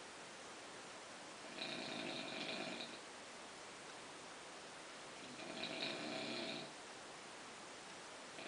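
Two buzzing snores about four seconds apart over steady room hiss: snoring during sleep.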